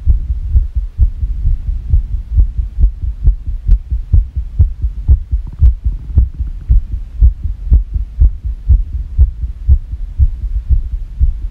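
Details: Rapid heartbeat of roughly 120 beats a minute with uneven spacing between beats, heard through a stethoscope, described as sick; fast irregular heartbeat.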